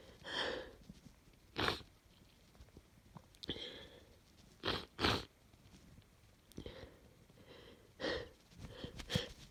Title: Another cold snotty sneezing fit